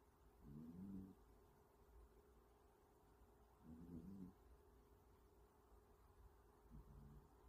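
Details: Soft, low rumbling snores about every three seconds against faint room hum, from a sleeping younger sibling (sister) described as snoring with her eyes open; snoring.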